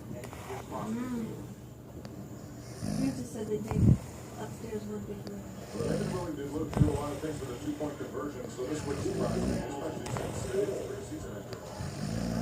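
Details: Loud, irregular rattling snores with snorting noises, roughly twenty a minute, from a sleeping father; snoring.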